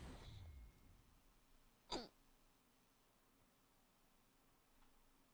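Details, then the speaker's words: Recurring hiccups, a single short sharp hiccup in a quiet room after a brief burst of noise; the hiccupper says they always come back after seeming to go away. "what up bredies I know I'm a lost cause dude they always come back they're never truly gone"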